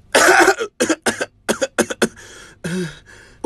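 Several loud, harsh coughs and throat-clearing bursts in quick succession, then a short voiced grunt: a coughing fit.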